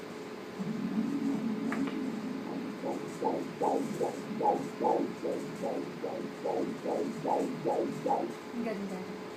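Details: First Doppler ultrasound at 17 weeks 6 days of pregnancy with a male fetus: rhythmic whooshing umbilical cord blood flow pulses at about 150 a minute, in time with the fetal heartbeat, normal.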